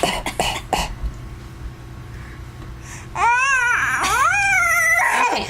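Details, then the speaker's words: Young child's deliberate fake coughs made on request from her father after fake sneezes: about four quick, short coughs followed by drawn-out playful voiced sounds. "now cough you got to cough too can you"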